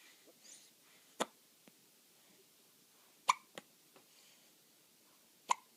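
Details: Hiccups: sharp, abrupt clicking hiccup sounds recurring irregularly in a quiet room, three stronger ones among fainter ones.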